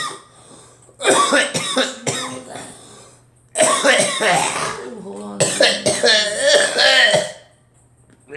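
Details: Cough: three bouts of harsh, forceful, congested coughing with throat clearing, from someone who describes coughing from the chest and possibly a sinus infection.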